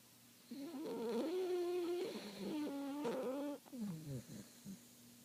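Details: Papillon dog snoring: long, whistly, wavering nasal snores with sniffly breaths afterward; said to have been much worse before filming began.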